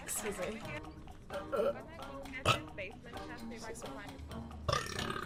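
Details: Burping from a female streamer during live gameplay: several voiced belches over background music and game sounds; ordinary burping.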